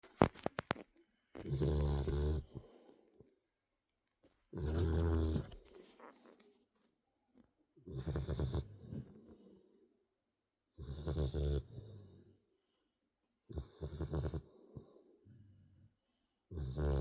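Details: Sleeping Boxer dog: repeated loud, low rattling snores about every three seconds; snoring.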